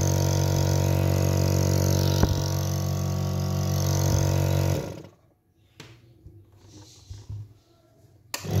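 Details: Taiwan-made nebulizer compressor: steady loud motor hum and rattle that stops about five seconds in, leaving quiet room noise; running, then switched off.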